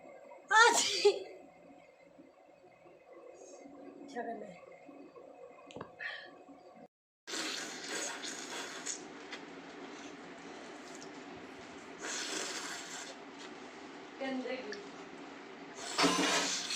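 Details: Woman with a head cold, blocked runny nose and ear trouble, in a sneezing and nose-blowing challenge: a loud sneeze, then sniffing and nose blowing.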